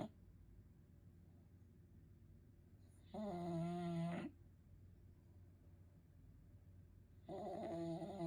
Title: He Snores